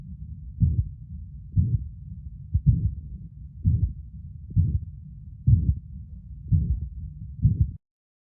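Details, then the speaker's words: Pathological systolic heart murmur, located between the first and second heart sounds: low, regular heartbeat about 64 a minute with a continuous rumbling murmur; first and second sounds cannot be distinguished. "de un soplo a nivel cardíaco en este caso un soplo de tipo sistólico ya que lo vamos a encontrar ubicado entre el primer y segundo ruido o sea en este pequeño silencio"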